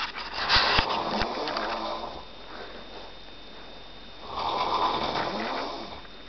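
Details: Loud snoring from a man sleeping on a sofa in the dark.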